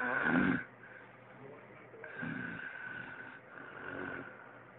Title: My dad snoring.